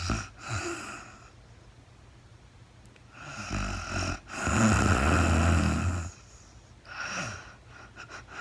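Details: Real-time recording of a woman asleep, very tired: rough rattling snores on in-breaths with quieter out-breaths at a slow sleeping breath rhythm, no talking; snoring.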